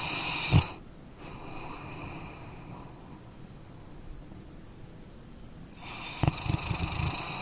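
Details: Noisy breaths with a hissing inhale and low rattling bursts at the start and end: snoring.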